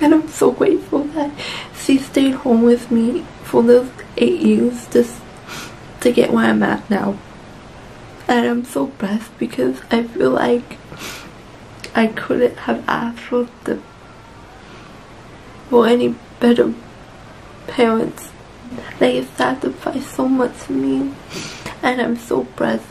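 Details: Adult woman with cerebral palsy, born 4 months premature in 1992, who received speech therapy from 8 months old; mild dysarthria in cerebral palsy.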